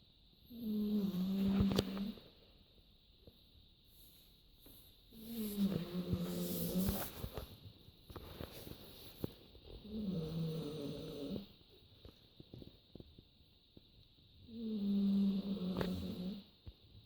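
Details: Sleeping dog snoring: four long, low, rumbling snores about 4–5 seconds apart, roughly 13 per minute, with quiet gaps between.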